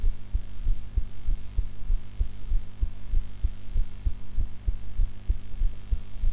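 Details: Regular low heartbeat thumps at about 97 beats a minute over a steady low hum and background noise, self-recorded in an unusual posture after eating.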